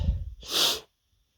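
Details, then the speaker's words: Male, nose tickling all day, unsure if it's a cold or allergies: a brief breath in, then one explosive hissing sneeze cutting into silence, among rapid sneezes. "oh man it's really bothering my nose I don't know what it is I don't know if I'm from still yet kind of another cold or something if it's just allergies"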